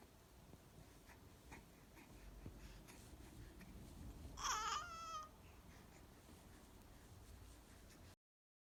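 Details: One small, high-pitched sneeze from a one-month-old baby boy against quiet room noise; a normal newborn sneeze.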